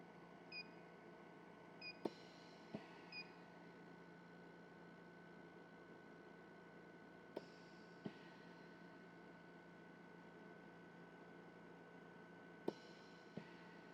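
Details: Puppywarmer Pro Series oxygen concentrator running normally: steady hum with occasional short puffs and clicks as the molecular sieve vents nitrogen back into the room, plus a few faint beeps early on.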